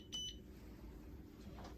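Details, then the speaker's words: Two short high beeps as a Zoll R Series defibrillator is switched on and set to manual mode with the soft keys, pads on the upper right and lower left chest, in an emergency department instructional demo, then quiet room noise. "Once the Zoll pads are in place, we turn the selector switch on. Turn on manual mode using the soft keys."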